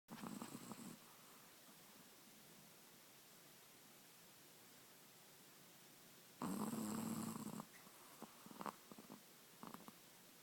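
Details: Snoring from a little puppy sleeping on a lazy Sunday.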